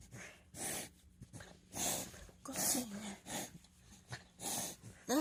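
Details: Miniature dachshund with hernia having a reverse sneezing episode after waking and drinking water: repeated rapid snorting inhalations in bursts. Two episodes lasted over 2 minutes, the first with a runny nose, four in total.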